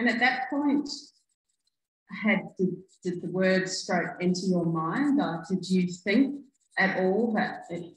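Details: Adult woman speaking; typical speech.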